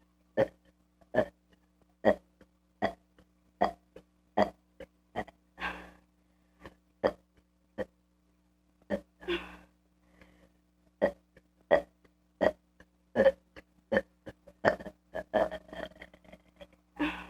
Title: Kid burping part 5